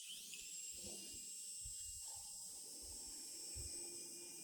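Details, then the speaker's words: Steady high-pitched whine with faint wet irrigation sounds: starter (Lindemann) drill preparing an immediate implant site in an anterior esthetic-zone fresh extraction socket, palatal entry, motor about 1,000–1,200 rpm, 30 Ncm torque, forward rotation, with irrigation. "The speed is somewhere around 1,00 to 1200. Torque is 30 Newton cm. The rotation direction is forward and definitely with irrigation."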